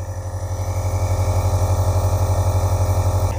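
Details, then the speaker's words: Piston compressor nebulizer for child and adult, oil-free compressor with heavy-duty motor, running; steady loud motor hum with fast even pulsing about four beats a second, described as moderately loud. "इसकी जो शूल है वह बहुत ज्यादा नहीं है तो बहुत कम भी नहीं है एक बार में साइलेंट है कि आपको इसकी सॉन्ग सुनाता हूं ने"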